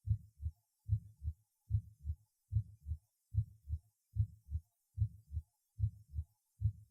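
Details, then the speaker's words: Aortic regurgitation recorded at the second auscultation point: regular heartbeat about 73 a minute with a soft, blowing diastolic murmur after a nearly always weakened second sound. "диастолический шум во второй и пятый точках аускультации свидетельствует о наличии недостаточности клапанов аорты 2 тонн почти всегда ослаблен прослушайте запись сделаны во второй точке аускультации"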